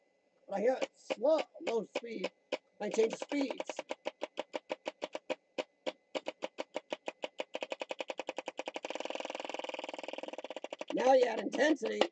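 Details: Electric chest percussor running during lower-lobe chest therapy for cystic fibrosis, recorded on a live stream; the patient reports rattling or crackling in his chest.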